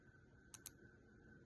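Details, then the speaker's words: Two quick, sharp plastic clicks as a Lantus long-acting insulin pen is dialed to 2 units and primed before a real self-injection into the abdomen, with quiet room noise: insulin pen priming click. "First, what I have to do is I have to prime it every time. So, what you do is there's a little notch there. I move it to the two. Okay. And then I squeeze it."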